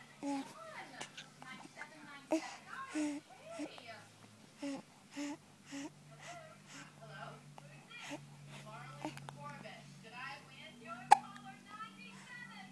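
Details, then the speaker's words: Baby with hiccups: short, sharp catches in the breath repeat every second or so, mixed with soft fussing and whimpers. "This is with the hiccups."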